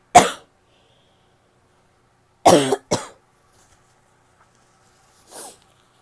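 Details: Harsh barking cough: three sharp coughs and a softer fourth with a hoarse, seal-like bark to the bursts.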